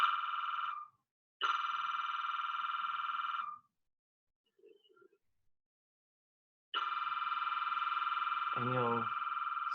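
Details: Loud, steady electronic buzzing tones in long blocks with short gaps from a functional MRI sequence on a volunteer's brain scan, with a low-resolution brain image acquired about every two seconds after structural scans.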